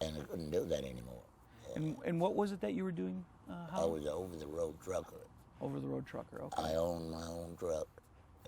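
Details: Tracheoesophageal speech in an adult man after laryngectomy with no voice box, speaking with a Provox voice prosthesis.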